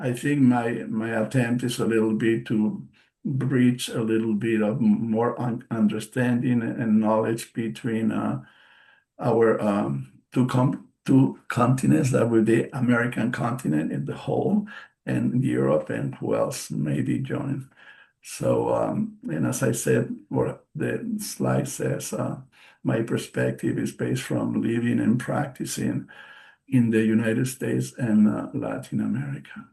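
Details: Post-stroke aphasia in an adult male stroke survivor (stroke March 2020), a non-native English speaker, speaking English: aphasia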